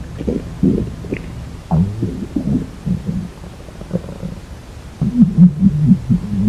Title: girl stomach growling 🤤